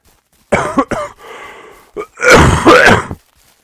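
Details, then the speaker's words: Chronic cough that a person has had for about 2 months. "I mean, I have been trying to get rid of it, but I was creating a lot of noise, and I've been dealing with this for like 2 months."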